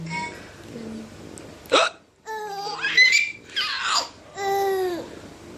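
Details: A father gives a single sharp, ordinary hiccup, followed by bursts of laughter from his 5-month-old baby.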